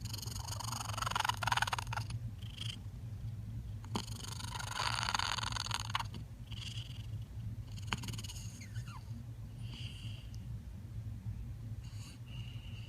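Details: One-year-old cat with very loud purring, mouth opening and closing changing the pitch; first meow as a kitten was a small squeak, owner suspects kittenhood vocal cord damage; loud purring with mouth-opening pitch changes.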